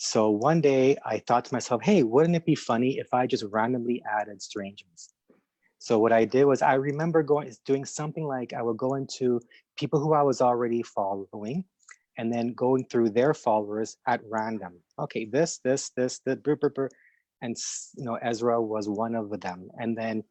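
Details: Adult who stutters, speaking spontaneously; stuttering.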